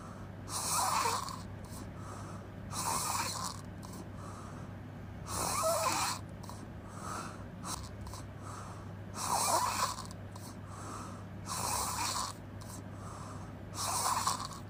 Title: Open mouth crazy snoring noise🙆‍♂️